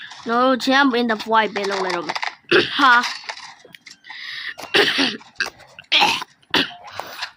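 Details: An adult man, whose voice is hoarse, clears his throat with a voiced "ahem", then gives several short, dry coughing bursts and apologizes, saying he needs some water.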